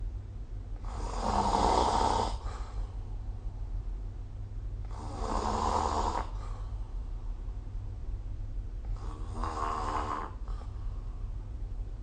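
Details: Snoring recorded with the SnoreLab smartphone app: three slow, rasping snores about four seconds apart, roughly 15 breaths a minute, over a steady low hum.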